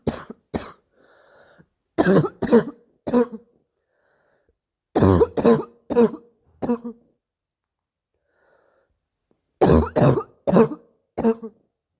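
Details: Repeated harsh, barking, seal-like coughs in short bouts of three to four with quiet pauses between bouts, described as painful; barking cough.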